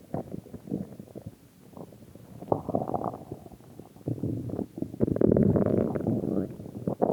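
Bubbling, gurgling rumbles rising and falling without a steady pattern: ordinary stomach growling.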